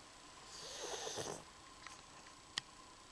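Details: Sleeping pug gives one rattling, snorting breath, followed by faint clicks against a steady background hum: snoring.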